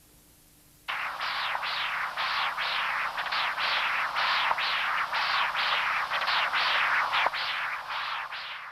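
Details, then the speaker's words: Continuous-wave Doppler across the tricuspid valve from the apical position in congenital severe tricuspid stenosis: valve area 0.9 cm², early diastolic velocity 2 m/s (gradient 16 mmHg), regurgitation velocity 1.8 m/s; right atrium markedly enlarged, leaflets thickened and immobile. "This patient has congenital severe tricuspid stenosis."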